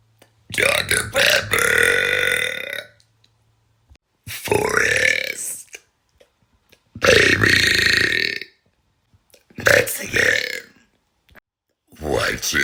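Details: Girl deliberately burping while listing her likes and interests: five long, loud, voiced belches separated by silences.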